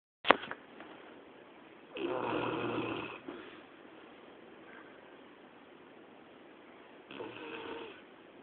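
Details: Labrador Retriever sleeping indoors at 2 a.m.: two rough snores about five seconds apart, with a knock at the start; ordinary snoring.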